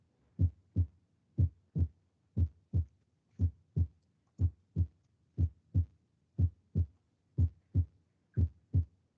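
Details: Teaching recording of normal heart sounds: crisp, regular lub-dub S1 and S2 pairs at about 60 beats a minute, with clean quiet gaps and no murmur.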